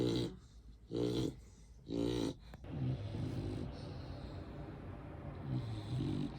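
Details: 1-year-old female mixed-breed dog, 45 pounds, snoring: loud, rattling snores about one a second, then softer snuffling breaths; ordinary snoring.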